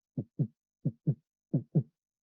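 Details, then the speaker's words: Three clean lub-dub pairs of low heart thumps at about 87 beats per minute. They are normal first and second heart sounds from heart valve closure, as heard with a stethoscope. "is that sound so we're listening to the closure we're always listening to the closure of vowels"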